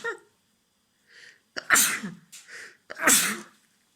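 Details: Sneezes recorded by a male, for a New Year's good-luck compilation.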